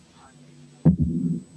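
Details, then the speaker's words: Aortic regurgitation: an early diastolic murmur, fainter than in the previous example, soft and blowing after a heart sound. "نسمع المثال الجاي اللي فيه الايرلي دايستوليك مامر فينتر عن اللي فات."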